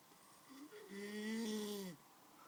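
A single drawn-out, tonal snore lasting about a second, with a steady whistling-groaning pitch over quiet room noise.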